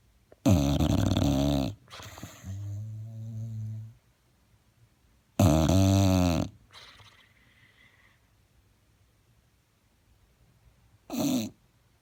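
Loud, rattling snores on each breath in, with a softer noisy breath out between, about 12 breaths a minute; dog snoring.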